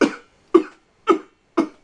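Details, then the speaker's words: Four harsh, barking cough bursts about half a second apart: a pipe and cigar smoker imitating the bad morning cough that cigarette smokers have on waking, not a real cough. "The first thing they do when they wake up is they have a really bad barky cough."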